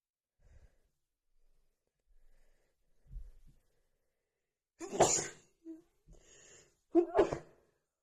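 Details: Female with an itchy nose from dust picked up while cleaning: soft sniffs and catching breaths build to two wet, forceful sneezes.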